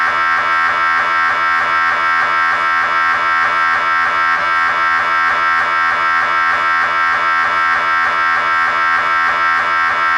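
Loud, steady buzzing drone with rapid rhythmic knocking pulses, typical of an MRI scanner running a sequence.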